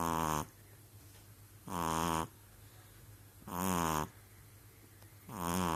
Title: Eric the Pug having a good old snore